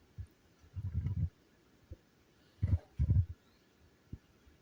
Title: stomach growling